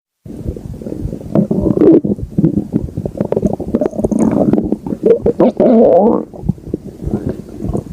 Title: Stomach Growling